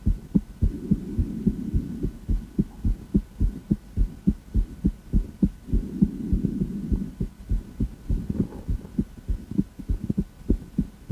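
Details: Female heart auscultated with a stethoscope: regular paired lub-dub heart sounds at about 105 beats a minute with a soft hum between some beats; normal heart sounds.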